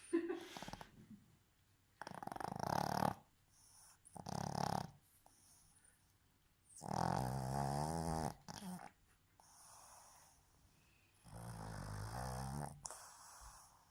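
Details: Irregular rattling and whistling breaths, some with a voiced, tonal quality, from a female Boston terrier sleeping with her eyes open; snoring.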